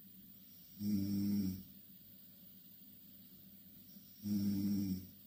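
Two droning snores on breaths in, spaced about three seconds apart, over a faint background hiss; snoring.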